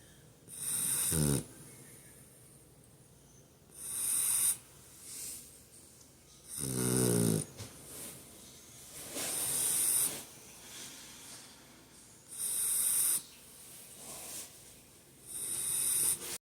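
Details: Sleeping boxer puppies snoring: rough, rattling inhales roughly ten a minute with quieter breaths between.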